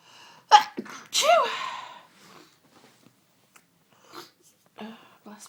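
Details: Sudden Sunday-evening sneezing fit that began within the last hour: two sneezes, the second a loud voiced "achoo", followed by quiet breathing and soft sounds.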